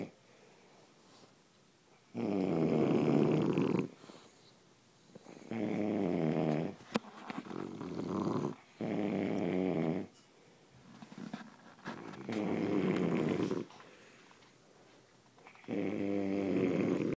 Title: Snoring contest